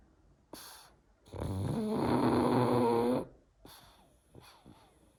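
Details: A 6-year-old pug snoring: a long, loud rattling snore with shorter snorting breaths around it; snoring in a flat-faced dog.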